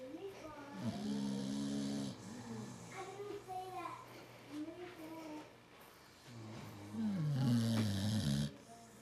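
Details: Sleeping American Bulldog and its owner snoring: deep, rattling snores in repeated breath cycles, quiet room behind; ordinary snoring.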